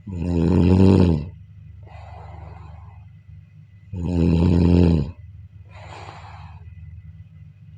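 Loud, rattling snores on breaths in, each followed by an airy breath out, about 16 breaths a minute; steady sleep snoring.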